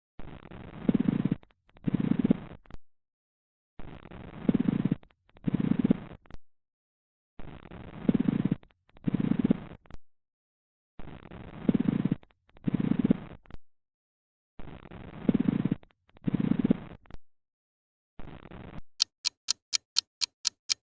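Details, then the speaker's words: Lung auscultation training exercise: coarse grating, creaking sounds in both inspiration and expiration, about 17 breaths a minute, a pleural friction rub. "Resposta: Atrito pleural."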